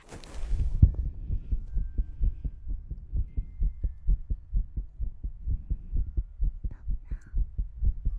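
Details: ASMR recording with tongue clicking and ear-cleaning sounds: steady low heartbeat thumps, roughly 64 double beats a minute, brief noise at start; ordinary-sounding heartbeat.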